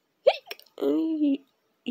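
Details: Persistent hiccups that won't stop: a sharp hiccup-like burst, then a short voiced sound, in a quiet room; hiccups.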